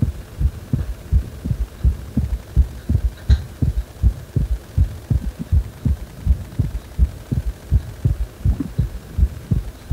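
Regular low thumping heartbeats at about 82 beats a minute over a steady background hum.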